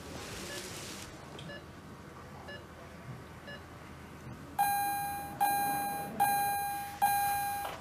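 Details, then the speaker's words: TV drama scene, simulated: after the ventilator is switched off and the breathing tube removed, faint beeps then loud, evenly spaced bedside monitor alarm tones, meaning the patient is not coping on her own and may need re-ventilation. "what's happening the alarms mean she's not coping on her own okay you may need to ventilate her again and a tracheostomy"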